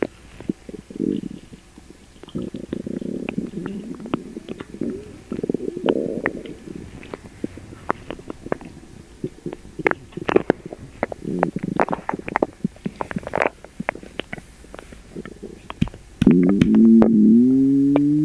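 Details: Upset stomach after eating sugar-free gummies: loud, continuous gurgling and bubbling with popping squelches and a rising groan near the end; borborygmi.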